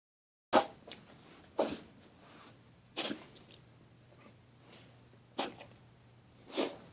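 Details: Five short, sharp sneezes spaced about a second apart in a quiet room; a run of repeated sneezing.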